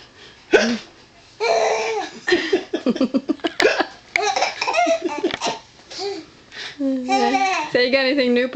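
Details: Adult man with hiccups on Christmas morning, an infant laughing at each one: short, sharp hiccups answered by the infant's bursts of laughter and some adult talk.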